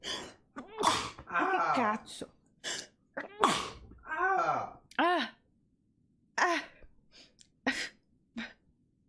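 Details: Rapid series of sneezes, each with a sharp indrawn breath then an explosive burst, with brief voiced sounds between.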